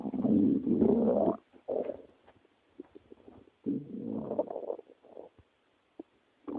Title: stomach growling 2